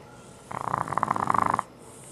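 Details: French bulldog snoring: a single snore of about one second made of rapid fluttering pulses, like a purring rattle.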